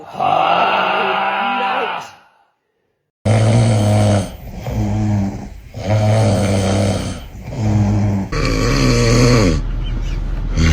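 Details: Loud snoring from a sleeping person: rough, rumbling snores repeating in a slow rhythm, each breath rattling like a lawnmower engine.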